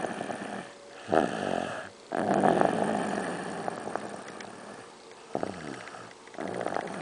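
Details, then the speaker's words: Child caught snoring in his sleep after denying he snores: loud, rough, rattling breaths repeating in long cycles of about three seconds; steady snoring. "See, dude, you snore. You snore."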